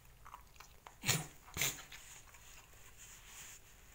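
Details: Cough in a 10-month-old dog that began at 6:30am after a neighbor's dog had coughed for days; owner suspects kennel cough caught from that dog or irritation from a window-cleaning product.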